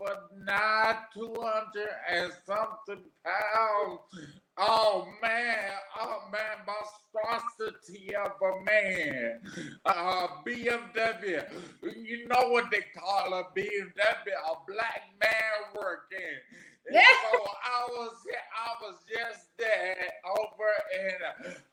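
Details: Adult man with aphasia after three strokes, the first at age 27 from an arteriovenous malformation, about 13 years earlier; aphasia.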